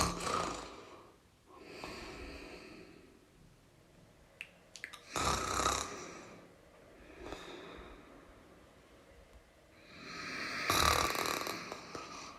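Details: Irregular rough snoring breaths with snorting and breathy exhalations a few seconds apart; snoring from a snoring sound-effect recording.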